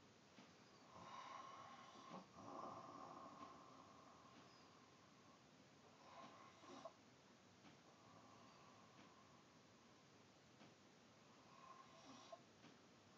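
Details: Loud, rough, rattling snores every few seconds with each breath over quiet room noise, recorded in the dark; snoring loud enough to wake a person sleeping nearby.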